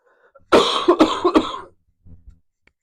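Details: Adult: a single harsh cough of two or three quick bursts, followed by a soft throat sound.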